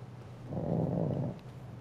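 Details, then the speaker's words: Single low, rumbling, throaty snore from a small pet dog, faint over room noise; snoring. "uh for the record if you can hear snoring in the background it's my little dog i'm sorry"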